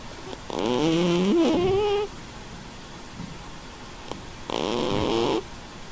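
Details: Sleeping fat black cat snoring: two loud, tonal, slightly whistling rasps about four seconds apart, with quiet room noise between.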